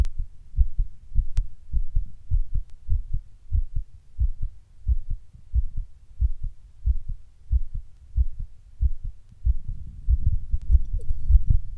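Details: While sitting down, the heart suddenly beats weird and hard, getting fast every once in a while: strong, low thumps at about 92 a minute, uneven in spacing and force, rougher stretch near the end; palpitations.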